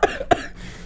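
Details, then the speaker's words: Two sharp, forceful coughs about a third of a second apart, then a soft breathy trailing exhale; a brief cough bout from a podcast host, who says they are wheezing. "I sound like an idiot I'm like wheezing oh my God this is what I said you can't be doing [ __ ] coughing the whole [ __ ] time we're doing this"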